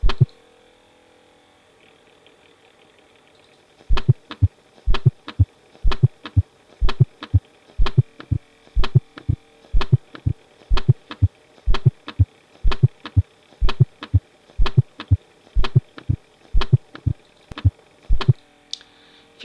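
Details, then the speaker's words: Fourth heart sound (S4): soft low extra sound just before S1, regular rhythm about 62/min; attributed to atrial contraction into a stiff, non-compliant ventricle. "دائما الفورس سوند باجيك وممكن يكون السبب بتاعه ان هو بواسطه بيحصل اتال كونتراكشن الى ستيف ونان كومبلين فنكل"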